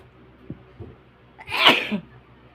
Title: Inducing sneezes again.